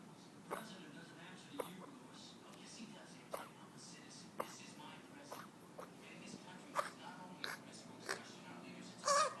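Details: A 5-week-old lethargic Yorkie puppy, vet-diagnosed with kennel cough and tested negative for distemper and parvo, gives a run of faint, brief, sharp coughs about once a second.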